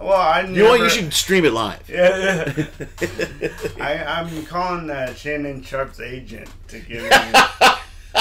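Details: Adult male comedian with lifelong dysarthria from cerebral palsy present since birth; says he always sounds like this; dysarthria (cerebral palsy).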